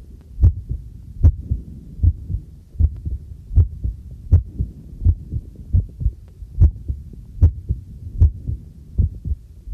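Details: Own normal heartbeat recorded with a homemade field stethoscope microphone while doing housework: steady low thumping about 76 a minute, with faint running water and clinking dishes behind.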